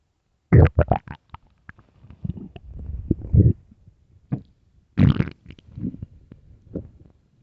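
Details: Loud, irregular gurgling and rumbling bursts with quieter bubbling between them; loud empty-stomach hunger growling (borborygmi).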